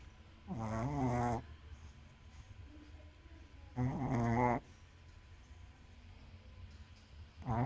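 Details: Snoring while asleep, tired after playing all night: two long, rough, vibrating snores about three seconds apart in a quiet room, roughly 19 breaths a minute.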